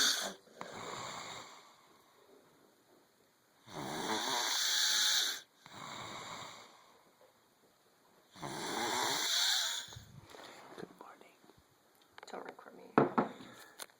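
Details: Male asleep, snoring like a baby bear: loud, rough inhaled snores alternating with softer exhalations, about 13 breaths a minute, somewhat irregular.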